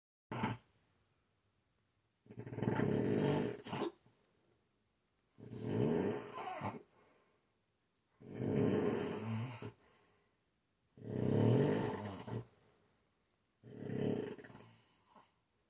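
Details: Roommate snoring: loud, rough, rattling snores on each inhalation, about five in fifteen seconds, with quiet pauses between.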